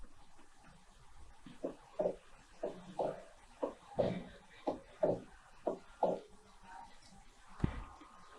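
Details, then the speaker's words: Split second heart sound on cardiac auscultation in a physical-examination teaching lesson: regular heart sounds near 60 a minute, second sound split into two close parts, a 'pla'. "coloque novamente o fome e escutem o som característico do desdobramento certo a onomatopeia que representa é um um pla"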